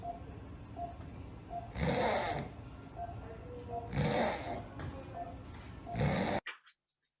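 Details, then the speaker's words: Young woman in the operating room, called in because she was breathing oddly and could not maintain a patent airway: loud, rough snoring breaths, about three in six seconds, faint monitor beep; upper airway obstruction snoring. "And what I saw, what you now saw, is basically a young lady who has difficulty to maintain a patent airway."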